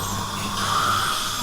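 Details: Steady high-pitched whine with low hum from a dental instrument in a small room during a teeth cleaning at a dental clinic, consistent with an ultrasonic scaler; dental scaler.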